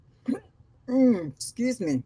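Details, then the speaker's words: Person with a rather bad case of audible hiccups during a live-stream, heard as a tight cluster of short voiced gulping sounds with quickly falling pitch; hiccups. "I have a rather bad case of hiccups and sometimes they don't you can't hear them but other times I get like they are right now"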